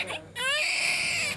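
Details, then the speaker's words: Brief, high-pitched, strained first cry of a newborn girl, 5 lb 12 oz, being stimulated to breathe and cry vigorously right after a high-risk delivery with the cord wrapped around her neck. "doing very nicely. Just stimulating her a bit to get her to breathe and cry vigorously."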